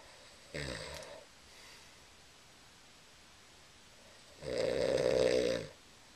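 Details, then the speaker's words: A sleeping man is told to roll over because he is snoring, recorded on a Flip Video camera: two loud, buzzing snoring breaths separated by a quiet pause. "roll over you're snoring"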